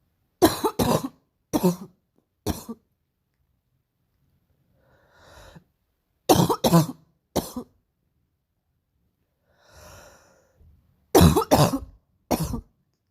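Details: Painful morning cough: three bouts of harsh, forceful coughing, two to three coughs each, separated by noisy indrawn breaths.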